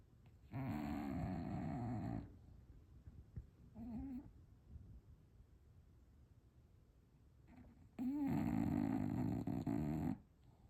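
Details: A bulldog snoring: long, loud, harsh rasping snores with brief softer snorts between them and quiet pauses.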